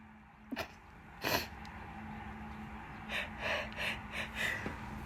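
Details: Person with bad pollen allergy and an itchy nose sneezing: several wet sneezes, a sharp one early and a run of softer, partly stifled ones later, over steady room hum.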